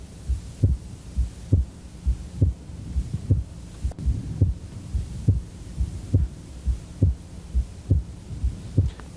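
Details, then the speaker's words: Wide splitting of the second heart sound in a male patient: S2 stays split during both inhalation and exhalation, very wide on inspiration and narrowing somewhat on expiration. "wide splitting means no matter whether he's inhaling or exhaling you can still hear splitting of the second sound there's no phase in which you don't hear splitting"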